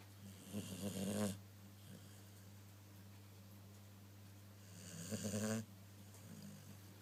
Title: Snoring Doggie!